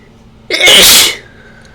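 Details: Person with suspected ragweed allergy, with a runny, itchy nose after sniffing a ragweed stalk and sneezing powder (chhinkni): one loud, forceful sneeze with a short intake and an explosive hissing burst, in a quiet room.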